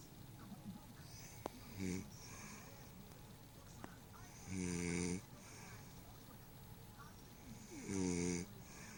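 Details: Woman caught sleeping: three low, droning snores on the in-breath, a few seconds apart, over steady room noise; ordinary snoring.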